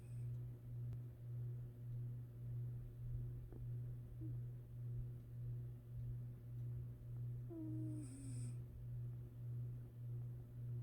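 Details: Female cat napping with gentle snores: soft, steady, low rumbling about once a second, with faint room noises.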